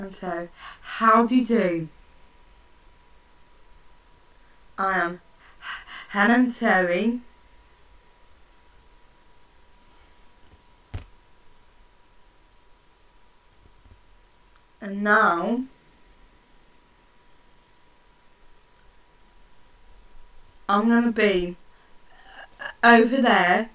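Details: Stuttering (stammer) in a woman who stammers and is working on controlling it; her speech is slow and broken into short phrases with long pauses.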